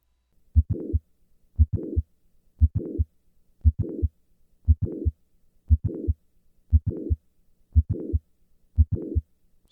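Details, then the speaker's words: Mitral valve prolapse at about 58 per minute, with a mid-systolic click and late systolic murmur through standing and squatting maneuvers. The S1-to-click interval is 140 ms standing and 200 ms squatting. "now I will repeat these Maneuvers with the murmur restored"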